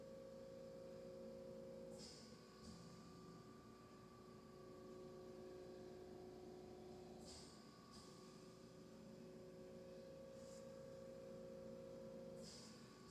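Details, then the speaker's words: Steady machine hum with a faint tone and periodic soft hissing puffs: a home oxygen concentrator running in the background of a quiet room. "sorry about that noise that's actually my oxygen machine running in the background if you hear that it drives it crazy I'm sorry"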